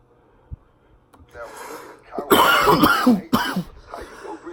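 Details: Short run of harsh, loud coughs and throat clearing: a coughing fit in an adult man while smoking.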